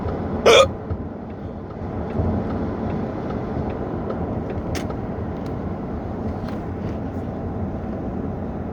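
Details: A sharp hiccup near the start, then fainter catches over steady car noise, from a driver who has had hiccups for about 30 minutes; hiccups.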